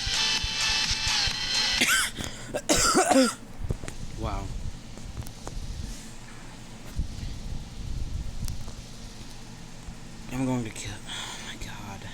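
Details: Game-style music stops, then a short burst of harsh coughing from a player during a mobile game attempt, followed by brief voiced sounds and room noise.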